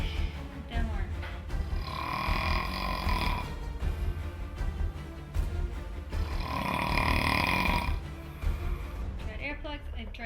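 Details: Adult man snoring so loudly that his wife says he sleeps on the couch and the kids hear him through the walls; loud, rumbling snores with harsh vibrating breaths in and out, music in background; heavy snoring.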